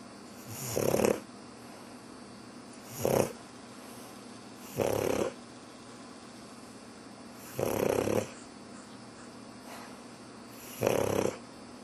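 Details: Snoring from a pug dog said to be pretending to sleep: five short rattling snores over about 12 seconds, roughly 25 a minute, with quiet between them.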